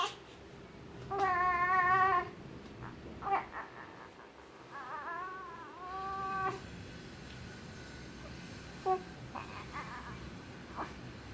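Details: Short high-pitched cries and squeaky, wavering coos with pauses between from a 3-day-old newborn; ordinary newborn vocalizing.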